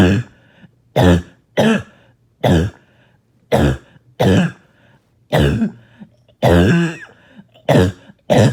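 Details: About ten harsh, barking coughs come in quick succession with a rough, wet edge, a barking cough with phlegm.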